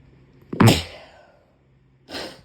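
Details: Sneezing in a puppy with a cold: a sharp, explosive little sneeze followed by a softer second one.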